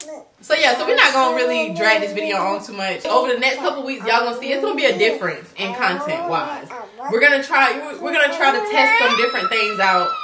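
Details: Adult speaker; normal speech.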